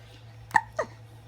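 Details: Baby hiccups: two sharp, brief voiced catches a quarter-second apart over a low steady hum.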